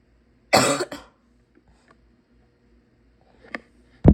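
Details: Sick adult's harsh, forceful barking cough burst in a quiet room, with another cough starting at the end.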